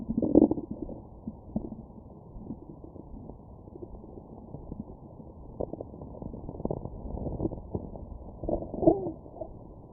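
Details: Abdominal bowel sounds recorded with a Stemoscope after eating McDonald's: gurgling, bubbling sounds with intermittent louder rumbles of active digestion; stomach growling.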